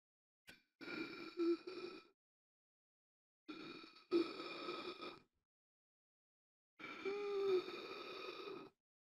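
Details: Simulated gasping for air, sound-effect recording: three long, strained, noisy breaths with voiced catches, separated by pauses.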